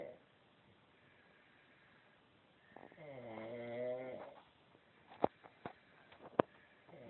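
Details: Sister snoring loudly in bed: a single rough, buzzing breath sound in a quiet room, followed by a few soft clicks.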